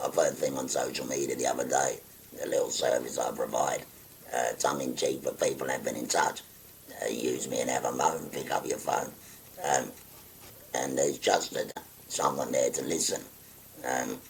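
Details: Tracheoesophageal speech in a 57-year-old man after total laryngectomy for stage four laryngeal cancer, using a voice prosthesis with button occlusion of the neck stoma.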